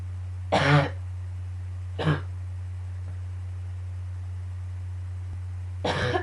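Three separate harsh coughs over a steady low room hum, part of a morning coughing fit.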